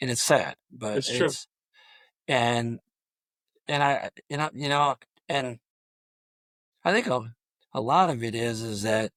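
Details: Adult male high school football coach who stutters; stuttering.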